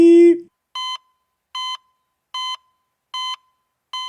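A tone, then regular short electronic beeps, about 75 a minute, from a hospital bedside monitor.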